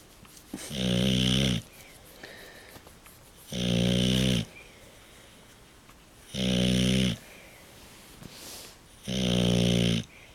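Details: Deep, rattling snores on each breath in, four in ten seconds, with quiet breathing between; snoring.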